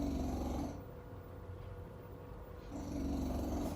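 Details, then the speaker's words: Snoring from a sleeping dog in the background of a podcast recording: low, rumbling snores with a quieter pause between breaths. "And together, they fuel this ongoing exploration of what occupational therapy can be, along with my assistant Max, whom you can probably hear snoring in the background."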